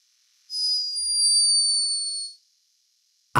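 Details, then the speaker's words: Sleeping hummingbird recorded by a scientist in Peru: a single thin, high-pitched whistling tone lasting about two seconds, an unmistakable snore. "A high-pitched but unmistakable snore. Hummingbirds are loved for their beauty and speed, but this one was behaving a little bit like a human."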